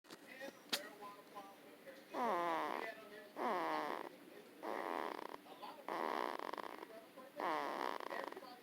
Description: Her way of snoring